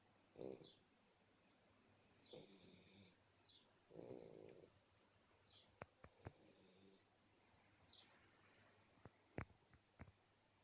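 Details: Black Shar Pei puppy snoring while asleep; soft, rough snorts and snuffles with a few small clicks.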